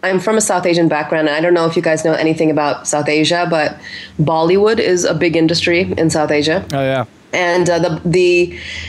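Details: Adult woman speaking; normal speech.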